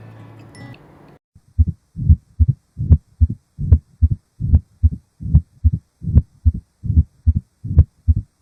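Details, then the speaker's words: Rheumatic mitral stenosis: regular heartbeat near 74 a minute, loud first sound, low-pitched rumbling crescendo mid-diastolic murmur with thrill, localized at apex, clearer supine or lateral position. "it is a mild or diastolic low pitches lumbrin and a crescendo murmur with large s1 and the thrill it is limited at the apex of heart and can be heard more clearly if the patients lie in supine or lateral position let's listen to murmur of mitral stenosis together"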